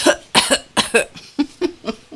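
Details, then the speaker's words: A pet lying on the floor after resting in a warm window gives an "old man cough": about eight short, harsh coughs in quick pairs with brief quiet gaps. "Charlie's on the floor coughing he's doing a he's doing the old man cough down there"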